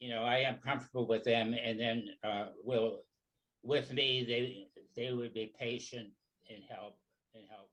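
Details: Person with aphasia, possibly after stroke; aphasia.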